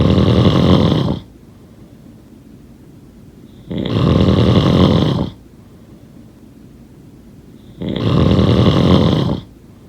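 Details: Loud, rattling snores on each in-breath, about 18 breaths a minute, with quiet pauses between; snoring.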